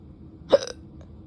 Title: drunk hiccups